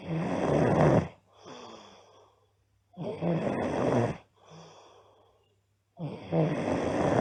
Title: Loud Snoring Girl